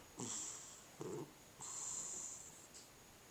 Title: Cat Snoring